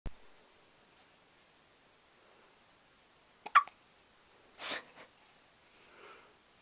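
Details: 3-day-old baby boy on his first night home from hospital, having trouble sleeping: a few short, abrupt gulping hiccup sounds separated by quiet room tone; hiccups.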